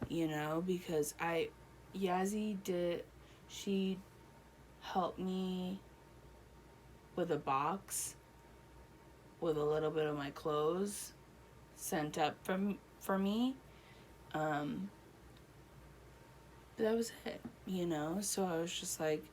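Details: Adult woman, real patient, one year after a stroke, with Broca's aphasia and impaired reading and writing; Broca's aphasia.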